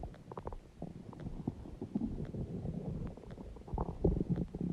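Low, irregular gurgling and rumbling from the belly, continuous throughout; loud stomach growling.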